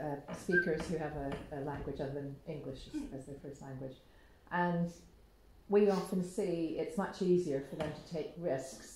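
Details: Adult speaker, likely female, in a small room; typical speech.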